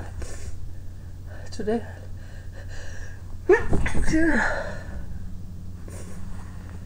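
A sharp gasp followed by a muffled, held-back sneeze burst with steady room hum behind; a stifled sneeze.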